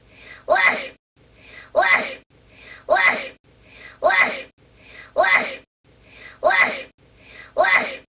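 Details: Seven sneezes in a row, each a short indrawn breath then a sharp explosive burst about a second apart, from a run of 30 consecutive unusual-sounding sneezes. Repeated sneezing.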